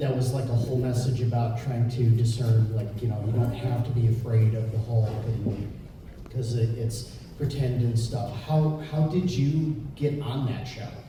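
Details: Adult male speaker; typical speech.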